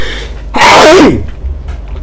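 A single loud, explosive sneeze after a brief quiet lead-in, with room noise around it.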